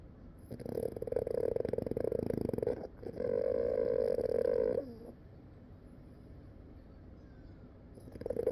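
Loud, rapid fluttering snore sounds in long sustained bursts, then quiet, then another burst starting.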